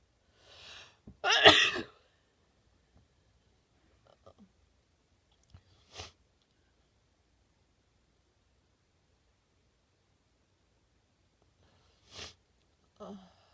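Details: Sneezing fit after a shower and blowing the nose beforehand: one loud sneeze followed by several softer sneezes spaced across the recording in a quiet room.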